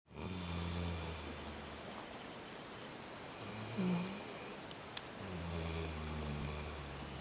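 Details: Low, steady buzzing snores with long breaths from an 8-month-old Rhodesian Ridgeback pup asleep during conversation; snoring.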